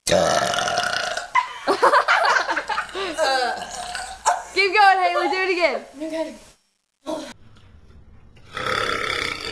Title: Burping girls compilation #3